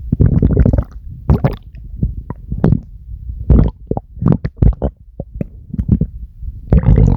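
Loud, low, bubbling and rumbling gurgles in repeated bursts: stomach growling, ordinary gut movement of gas and fluid.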